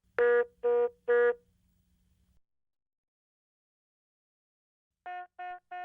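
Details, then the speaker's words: Philips HeartStart MRx monitor/defibrillator INOP technical alert tone: three loud electronic beeps, then three softer beeps. It signals a device problem or error condition, such as a leads-off message, shown on a cyan background. "inops indicate a device problem or error condition such as this leads off message and they appear in this cyan background and sound like this"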